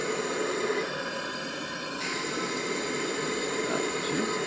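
Continuous hissing gas flow from an automatic resuscitator, with a sudden change in the hiss as it cycles.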